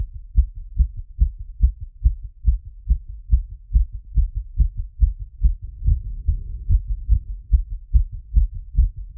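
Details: Heart sounds after exercise (tachycardia).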